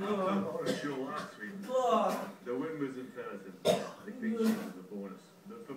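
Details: Adult coughing and clearing the throat after deliberately eating dry coffee granules; voiced throat-clearing sounds and a sharp cough, irritated clearing of the airway.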